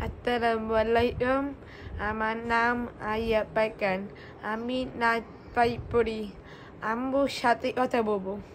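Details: 13-year-old boy speaking Bengali, 7 years after receiving a cochlear implant; speech of a child with a cochlear implant.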